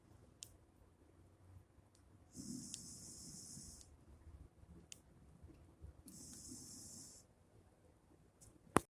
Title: snoring